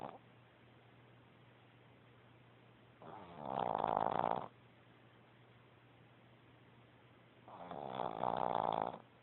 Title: snores a lot